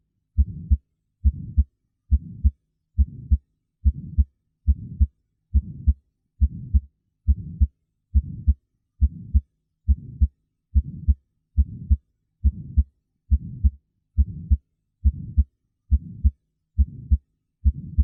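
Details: Innocent (physiologic) systolic heart murmur, from turbulent blood flow as the ventricles eject toward the semilunar valves, with no underlying heart disease.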